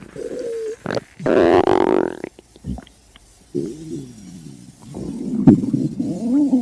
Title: Stomach growl